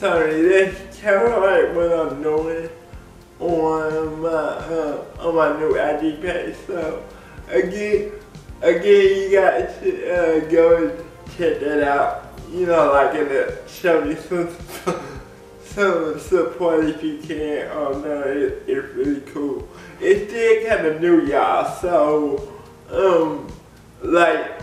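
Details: Adult man with cerebral palsy speaking in a video blog; dysarthria (cerebral palsy).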